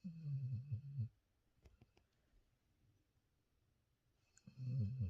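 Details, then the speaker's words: Loud snoring from a tired female sleeper after a day at the lake, described as snoring louder than the owner's partner. "Incroyable comme elle ronfle, c'est incroyable. Elle ronfle plus fort que mon chéri."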